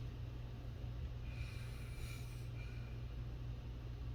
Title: perfect comfy sleep. soft snoring best background sleeping video noise. relaxing restful.